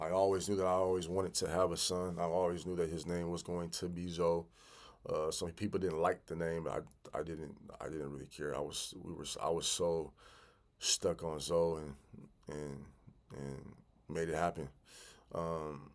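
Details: Adult man who has stuttered since childhood and still stutters 'big time', sometimes stopping to regroup; stretch with sound and word repetitions and fillers; stuttering.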